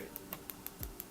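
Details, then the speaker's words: Focused shockwave therapy (ESWT), patient feeling the burn: regular sharp ticking pulses, about six per second; focused shockwave device operating. "Whereas, if I don't have anything on it, it's going to go like 10 cm deep, which is really good for that hip joint."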